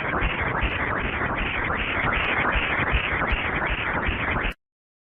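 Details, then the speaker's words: Continuous whooshing, pulsing Doppler noise like a washing machine: the characteristic fetal ductus venosus Doppler sound in obstetric ultrasound, used to confirm correct cursor placement. "the ductus vosis has a characteristic sound its sound looks like the sound of washing machine listening while sampling is helpful to confirm correct cursor placement this is the sound of ductus venosus Doppler"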